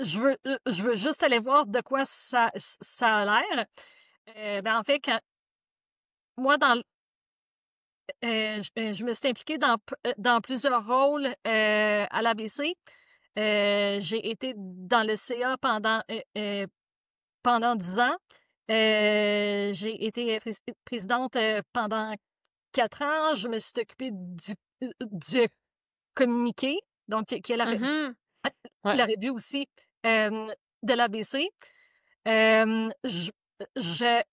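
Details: Adult woman who stutters, a former president of a stuttering association, who says she still stutters; stuttering.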